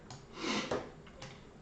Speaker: I have a really bad hiccup right now. I've had it for over an hour,